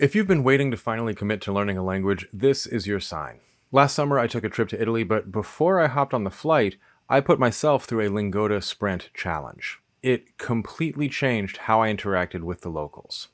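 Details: Adult male speaker; normal fluent speech.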